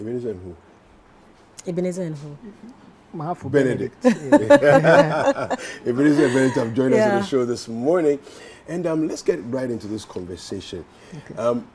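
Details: Adult male presenter with brief replies from a guest; ordinary speech.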